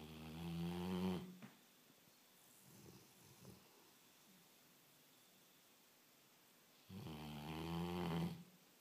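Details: Meg, a dog, snoring in sleep: two loud, low, rattling snores about six seconds apart with quiet breathing between.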